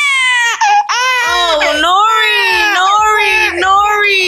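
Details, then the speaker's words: Infant just woken, only half a bottle left and not enough: loud, sustained rhythmic wailing, a hunger cry, while waiting for a bottle. "she's crying again I'm waiting for her big cousin to make the bottle because she just woke up and she only had a half a bottle left and it wasn't enough"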